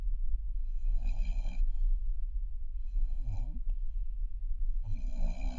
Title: Newfoundlander puppy snoring. Just washed him and he is exhausted. #puppy #cute #newfoundlander